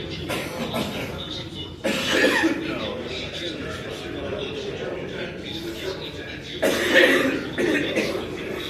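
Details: Cough.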